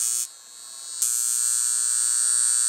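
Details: Lift Wand portable high-frequency argon-gas glass-electrode facial wand plugged into an outlet, set on high, touched to finger: steady high-pitched electrical buzz briefly dropping and returning louder; high-frequency wand operating.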